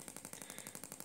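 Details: Radial shockwave handpiece (Gymna Shockmaster 300, 20 mm head, gel) firing at 1.6 bar, 12 Hz on back of thigh, grade 2 cellulite, first treatment pattern: rapid, even sharp clacking pulses about twelve a second.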